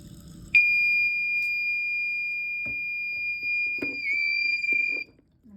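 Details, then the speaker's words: HeartMate 3 LVAD controller alarm, deliberately triggered in a demonstration: a steady, high-pitched continuous tone lasting several seconds with faint handling clicks, signalling a low-priority low or zero flow alarm. "Let's pull this out and it'll eventually get mad and tell me that it has no flow."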